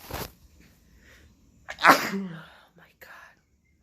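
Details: Head cold on day 5, now moving down to the throat, sneezing more than in years: a short breathy burst, then a loud sneeze with a sharp intake and explosive release and a faint trailing sound; sneezing.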